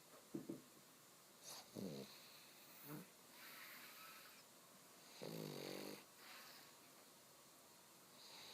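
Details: Pug snoring: irregular low snorting breaths with a longer rattling snore near the end, in a quiet room.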